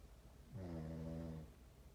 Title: Snoring contest from hell part 1